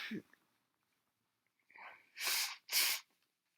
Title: Loud, snotty sneezes